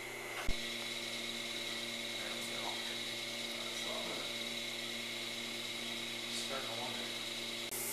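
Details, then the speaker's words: Steady high-pitched motor whine with intermittent grinding and suction: an arthroscopic shaver clearing scar tissue and synovitis inside the ankle of a young teenage male with lateral cartilage damage after an inversion sprain, during arthroscopy before microfracture/drilling. "you can see one of my instruments this is actually a shaver that's going to eat up some of that bad starfish in the joint"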